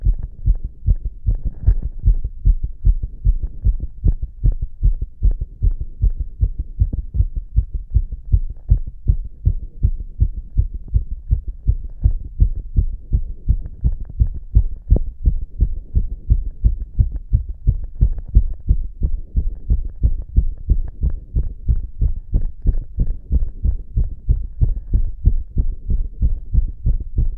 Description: See my heart beating fast like it's excited. I placed two stethoscopes on my chest because I wanted to listen to it when it started to beat super fast with poppers.